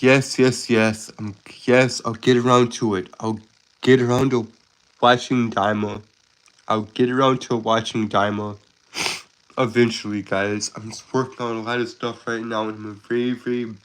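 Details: Stuttering in a 22-year-old male who calls himself a Southern stutterer with a speech impediment; he is currently sick and recovering.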